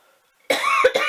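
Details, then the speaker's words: Adult woman coughing during an allergy attack: a short, harsh burst of two or three coughs from throat irritation. "okay sorry came back from the cuffing attack"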